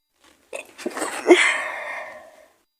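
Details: Girl's acted sneeze in a roleplay as a sick partner with a fever: a quick intake of breath, then a loud airy expulsion that trails off.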